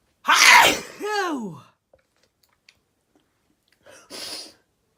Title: Sneezing 1